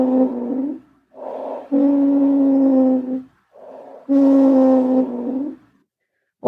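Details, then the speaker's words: Steady, low musical whistling through each breath out: a wheeze from narrowed airways, played as an example abnormal breath sound while auscultating a male patient's back in eight spots in a nursing lung-sounds lesson. "some abnormal breath sounds that I'm listening for are crackles which sound like this aise which sounds like this"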